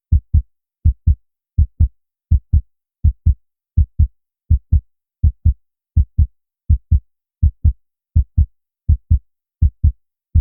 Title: heart sound of girls